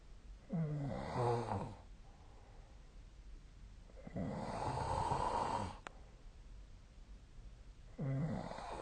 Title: 🐽 本日のイビキ / Snoring Sleep Sound 2025/02/28